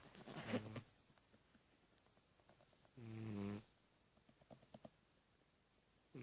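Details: Two loud, buzzing, low-pitched snores about three seconds apart with quiet breathing between, from Patches, a sleeping pet who sleeps a lot for her age: snoring.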